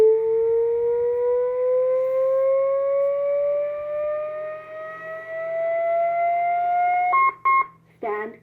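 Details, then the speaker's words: Training AED during cardiac arrest scenario with bystander CPR, reanalysis after 2 minutes of CPR, "shock advised": steady tone rises in pitch about seven seconds, then beeps; defibrillator charging before prompt to push to shock. "after 2 minutes you'll clear everyone again off the patient and you'll reanalyze using your AED stand clear analyzing now stand clear shock advised"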